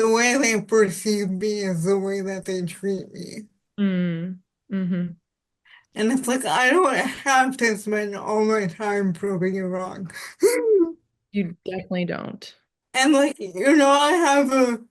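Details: Adult woman with spastic quadriplegic cerebral palsy since birth, with high muscle tone in all four limbs; speech is harder to understand and voice assistants do not recognize it well; dysarthria (spastic, cerebral palsy).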